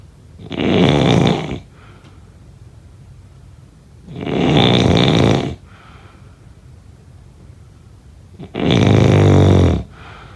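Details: Snoring during sleep: three loud, rough snores, each about a second long and set apart by quiet pauses, about 15 breaths a minute.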